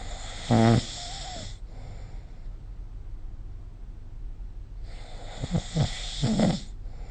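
Two loud rattling snores on breathing in, separated by a quiet pause. Ordinary sleep snoring.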